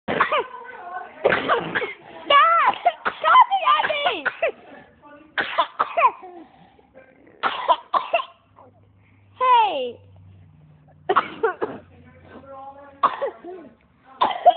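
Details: Two children with a cold take turns with short coughs and throat clearing, egging each other on, mixed with playful voices and laughter; coughing with a cold.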